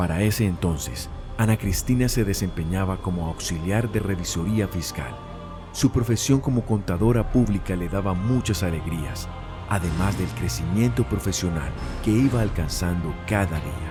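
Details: Adult male narrator with background music; normal speech.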